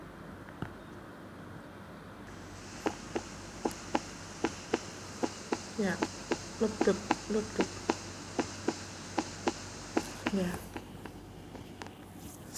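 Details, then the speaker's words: Normal heart sounds heard on auscultation during a nursing lecture on cardiovascular examination: regular, steady clicking lub-dub of normal first and second heart sounds (S1 and S2) over a constant hum. "kemudian ini adalah bunyi jantung yang normal"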